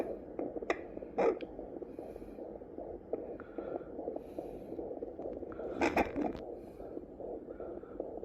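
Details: Fetal heartbeat on a handheld home Doppler, rapid whooshing pulses at about 150 beats a minute; fetus still small.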